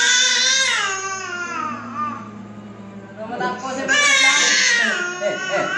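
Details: Baby with high fever, cough and diarrhoea cries loudly and strained in repeated bursts while being massaged, with an adult's low voice faintly underneath; infant crying.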